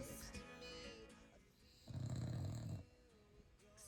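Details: Snoring of a small puppy heard in the background.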